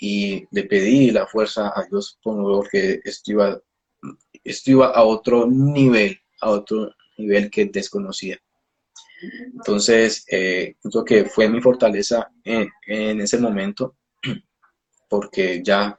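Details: Adult male speech-language pathologist who stutters, speaking Spanish; stuttering.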